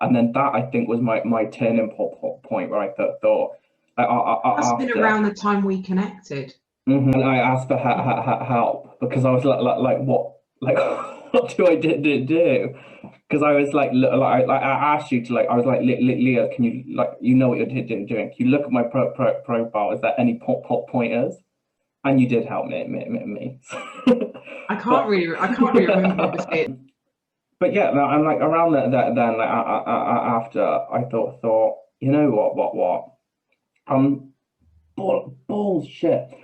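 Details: Adult man with Tourette syndrome with involuntary swearing and blurted-phrase vocal tics mid-sentence, and a stammer he says worsens under stress.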